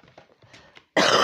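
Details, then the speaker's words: Faint low room sounds, then one sudden loud, harsh cough burst from an adult woman with an ongoing cough and a hoarse voice; cough. "Je suis désolée, j'ai la voix un petit peu cassée parce qu'avec cette toux, j'avoue, la gorge en prend a pris un petit peu cher."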